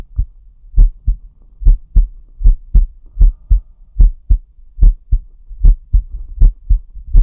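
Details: Steady deep paired heart thumps at about 76 beats a minute with a soft low hum; normal heart sounds recorded as ASMR alongside breathing sounds.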